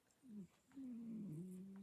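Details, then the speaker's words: Quiet, low, buzzing snores from a sleeping cat: a short breath sound followed by a longer, wavering one, gentle snoring. "She's busy snoring away, sawing logs. Yeah, Jonah's over there on his um bed in the bedroom."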